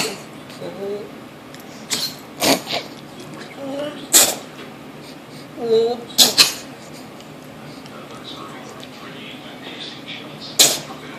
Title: My dog sneezing